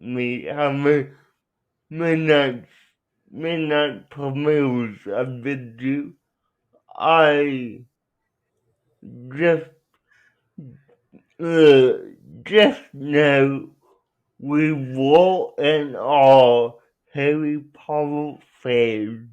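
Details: Young adult man with cerebral palsy who uses a wheelchair, out of school six years; dysarthria (cerebral palsy).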